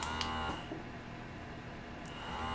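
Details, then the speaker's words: Motif Roam electric breast pump in expression mode, stepped through levels 1 to 3. The motor whirs in short cycles after a click and a pause before each cycle starts, which is normal operation, with a steady room hum. "So this is the expression. Then it starts."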